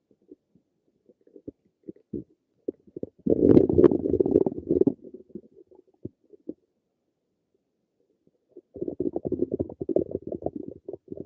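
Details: Bubbling, gurgling stomach rumbles in two loud bursts separated by quiet stretches: normal stomach and bowel noises.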